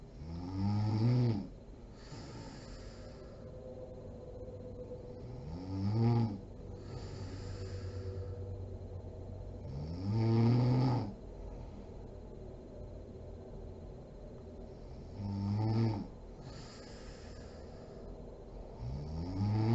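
Loud rattling snores on each in-breath, about 12 a minute, with quieter breathing between; typical heavy snoring.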